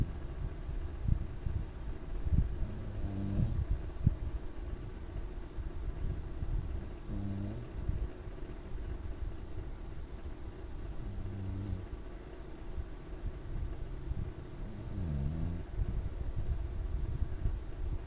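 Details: Father snoring during sleep, keeping the listener awake: low rattling snores recurring about every four seconds over steady room noise; regular loud snoring.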